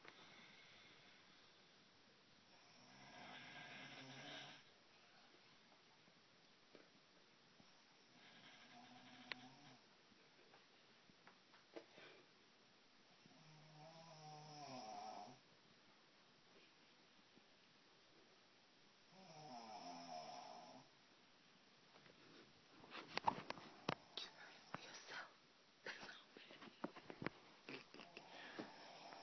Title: My aunt snoring